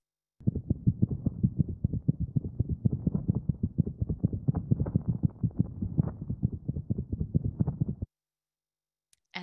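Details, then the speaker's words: Rapid, chaotic heartbeat with no steady pattern, like bouncing basketballs or tennis shoes in a dryer; atrial fibrillation, in a talk on acquired heart disease in dogs and cats. "Some people say it sounds like tennis shoes in a dryer, or I always think that when I'm hearing a pet with it, I feel like I'm at a basketball court and a bunch of people are bouncing their basketballs at the same time. It just sounds all over the place."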